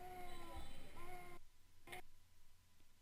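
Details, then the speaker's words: Expiratory grunting in a 9-month-old boy born at 35 weeks with bronchiolitis: short voiced grunts, with large subcostal retractions and fast breathing, showing significantly increased work of breathing. "finally the sound he's making is grunting showing that he's needing to increase the pressure in his chest to keep open those small Airways"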